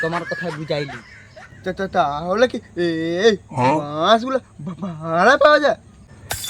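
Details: Adult male speaker, acted comedic portrayal; stuttering (acted).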